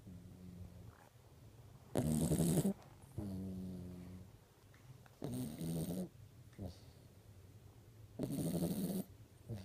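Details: Sleeping dog snoring: loud, rough, vibrating snores on the in-breath with quieter out-breaths, about three breath cycles in ten seconds.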